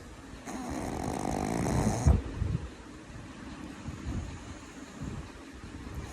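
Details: Snoring: one loud, rough, rattling snore on an in-breath, then quieter breathing noise.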